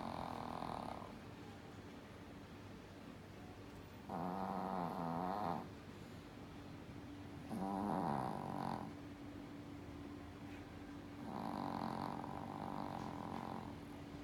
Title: Reki snoring